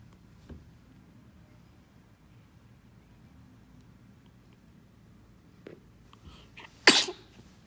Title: #Entertainment # Lovely #funny #Cute Baby - Sneezing!